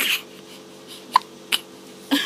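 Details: Two-month-old baby with hiccups: three brief, sharp hiccup sounds about half a second apart over a low steady hum.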